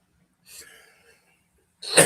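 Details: A podcast host sneezes: a soft breathy intake followed by a sudden loud, forceful burst of air, with coughing and throat-clearing nearby.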